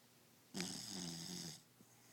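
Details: Snoring: a single long, rattling snore lasting about a second in a quiet room, a harsh vibrating breath sound typical of a sleeping dog.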